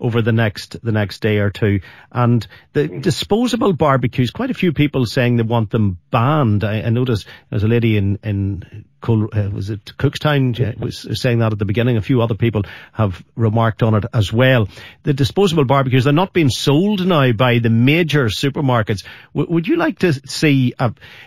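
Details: Adult male speaker; no speech disorder.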